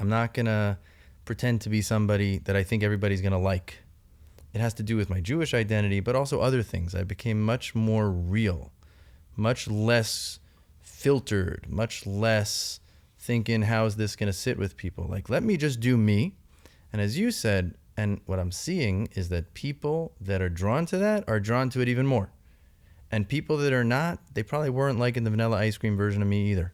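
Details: Adult man speaking; Normal conversational speech.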